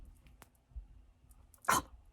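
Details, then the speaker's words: Person with Tourette syndrome: a single abrupt, bark-like vocal noise breaks a quiet stretch of talking; real tic, not a demonstration; vocal tic. "okay so the tick happened"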